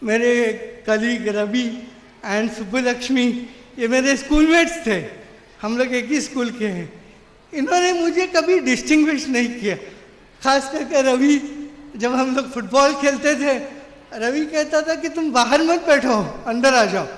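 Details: Adult man with severe cerebral palsy since birth who could not walk or talk as a child; dysarthria from cerebral palsy.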